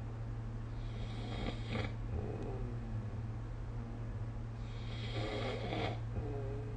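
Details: Sleeping adult snoring, recorded with the SnoreLab phone app: two raspy, breathy snoring breaths over a steady low room hum.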